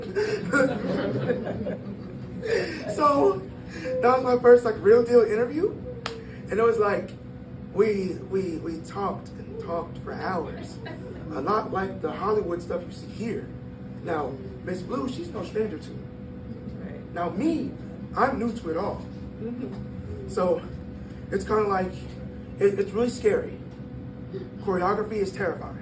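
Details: Breathy voice in a 22-year-old man born prematurely at about one pound, whose vocal cords developed as he grew and still don't close all the way; breathy voice from incomplete vocal fold closure.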